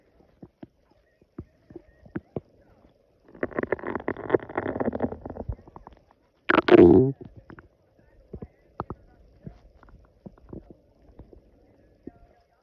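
Scattered clicks, a longer gurgling rumble and a sharp squeaky gurgle; ordinary stomach growling on an empty stomach.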